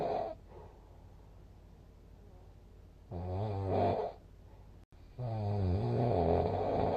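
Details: Loud, rough, buzzing breaths in a regular rhythm; snoring, posted with a snoring score of 166.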